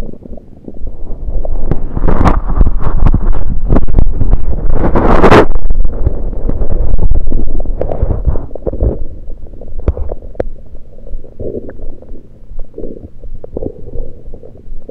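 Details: Abdominal gurgles recorded with a USB electronic stethoscope after only liquids, not during digestion: loud, irregular low rumbling and bubbling gurgles, active bowel sounds.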